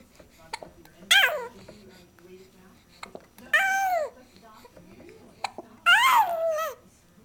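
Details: 2-month-old infant in a swing with hiccups mixed with cooing: three short, sharp, voiced bursts with falling pitch, each after a tiny catch, about 25 a minute.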